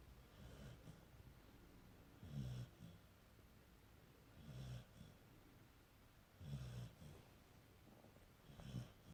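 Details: Four soft, low snoring breaths about two seconds apart, roughly 26 a minute, over a steady room hiss; quiet snoring in sleep.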